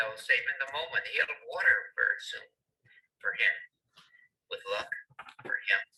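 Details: Wernicke's aphasia, mainly affecting comprehension; the person produces some fairly good sentences but has trouble understanding.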